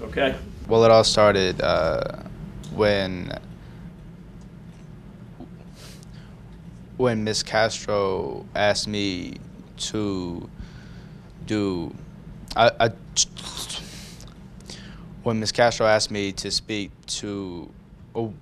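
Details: High school student who stutters, calling it his speech impediment, with audible repetitions; stuttering.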